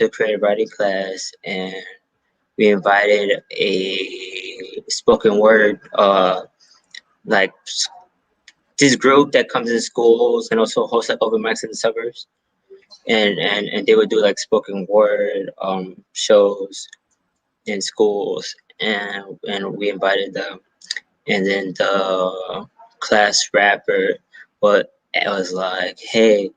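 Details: Adult male stand-up comedian with a self-reported stutter, speaking in an interview; stuttering.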